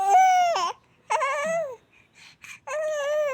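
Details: Newborn baby crying after receiving a scheduled injection at hospital: three loud, high-pitched crying bursts with brief pauses and soft sobbing between.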